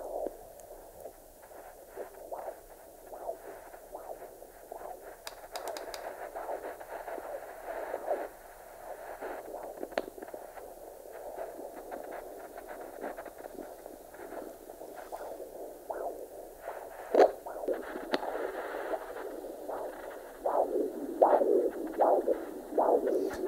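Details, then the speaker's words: Handheld fetal Doppler on the abdomen at 24 weeks of pregnancy: slow whooshing maternal pulse near 77 beats a minute, distinct from the fetal heartbeat at about 150; maternal uterine/placental flow. "there's the maternal flow. And it's coming up there about 77 beats per minute."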